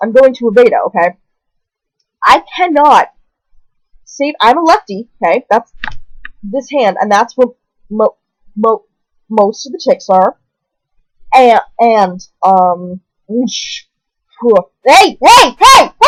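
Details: Person newly diagnosed with Tourette syndrome at age 20, with vocal tics such as repeated "hey" and coprolalia, plus hand movements; finding: vocal tics (Tourette syndrome).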